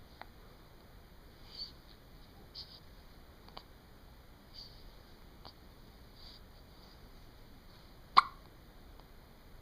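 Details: Faint, brief, sharp clicks every second or two against quiet room noise, with one louder click near the end; hiccups.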